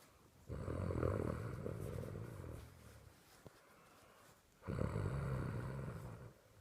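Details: The sister snoring: two long, rough, low, rattling inspiratory snores about four seconds apart, with quiet pauses between.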